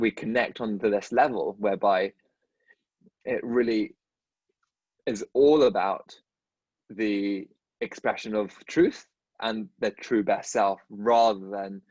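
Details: Adult dentist who stutters, speaking in a podcast conversation with another dentist who stutters; stuttering.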